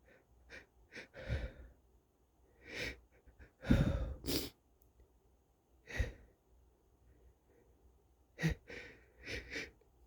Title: Stuffy wet sneezes (m)